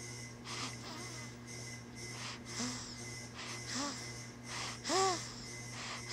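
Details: Snoring during sleep: soft snoring breaths about one a second, several with a whistling rise and fall, over a steady background hum.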